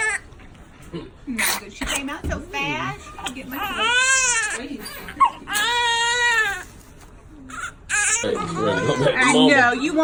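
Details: Loud, strong, rising-and-falling cries with breaths between them, over adult voices: a vigorous, normal cry from a newborn girl just after birth. She is a firstborn, delivered after induction at 37 weeks for maternal high blood pressure.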